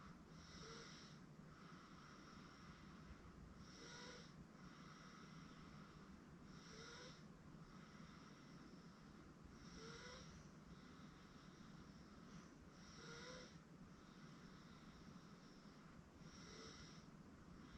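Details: 8-month-old girl asleep on a futon: soft, regular breathing noises about every three seconds, roughly 20 a minute, over low room hum; light infant snoring.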